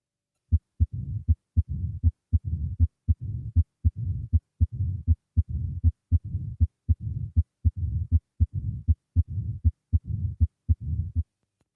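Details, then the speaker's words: Mitral stenosis, a narrowed mitral valve that doesn't open properly and blocks flow into the left ventricle: regular heartbeat near 79 a minute with sharp heart sounds and a low rumbling murmur filling each pause. "this is narrowing of the hearts mitral valve this abnormal valve doesn't open properly blocking blood flow into the main pumping chamber of your heart"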